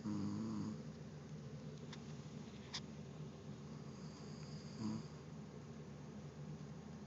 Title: My husband who swears he doesn't snore!